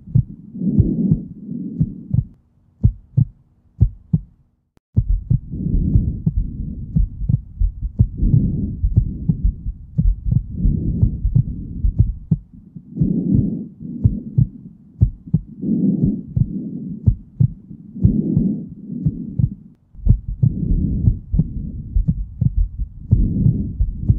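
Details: Steady low heart thumps under slow, regular breaths, about 20 a minute, in a produced cartoon-character (Rainbow Dash) clip, not a real recording: heartbeat with breathing.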